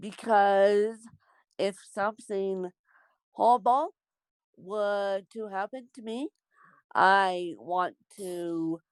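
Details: Adult woman born with cerebral palsy; dysarthric speech.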